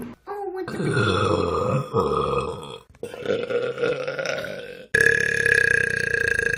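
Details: Vine compilation of deliberate burps: three long, loud, drawn-out voiced burps in a row, each rumbling and tonal, with abrupt cuts between them; burping.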